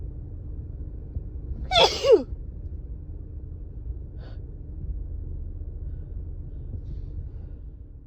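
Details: Female with an itchy, tickly cold and stuffed-up nose: a single loud, drawn-out sneeze with a sharp intake of breath before it, in a quiet room with low background hum.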